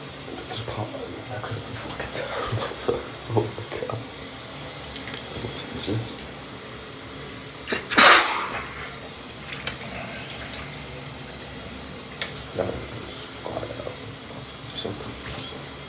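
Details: Male sneezing in the shower: running water with snorts and sniffs, then one loud explosive sneeze.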